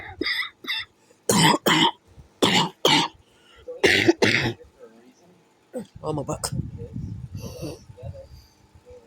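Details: Cough: about eight harsh, abrupt coughs in quick pairs, followed by brief voiced sounds or talk; repeated paired coughing.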